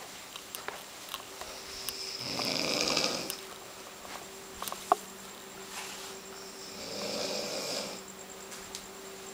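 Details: Two drawn-out rasping breaths about five seconds apart against steady room hum: snoring.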